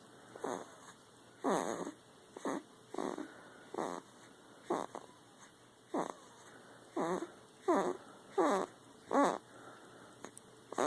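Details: Sleeping dog snoring while dreaming: short, rhythmic, fluttery snorts at about 80 a minute; ordinary snoring, not a clear wheeze.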